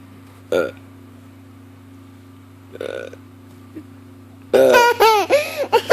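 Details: During a playful burping contest, two short belch-like bursts are followed by a loud, drawn-out voiced belch, with a steady hum in the background; burping.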